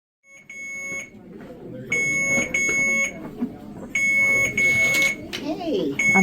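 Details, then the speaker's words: Infusion pump alarm at the end of chemotherapy in a patient with stage 3 triple-negative breast cancer, second round: repeating high electronic beeps in bursts over room talk, before the saline flush. "beeping screaming in here saying hey I'm done I'm done"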